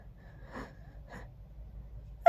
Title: Breathy sneezing 🤧